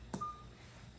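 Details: Soft click then a brief high beep as the Next button is pressed on a nitric oxide delivery system during its pre-use check, after setting flow to 10; a normal button confirmation tone.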